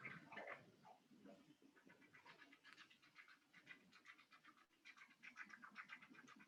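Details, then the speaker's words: Mouse on a non-invasive real-time pulsed Doppler flow velocity system, heard through computer audio: rhythmic pulsing whoosh rising and falling with each heartbeat; pulsed Doppler blood flow signal. "you can probably hear through my microphone you can hear the traditional sound of the doppler flow so that's coming through the computer"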